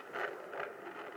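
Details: Fetal heartbeat on Doppler at 17 weeks of pregnancy; the previous reading was 140 bpm, and 110–160 is noted as normal.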